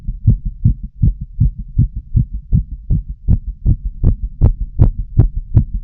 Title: Full female heart auscultation while smoking a cigarette 🚬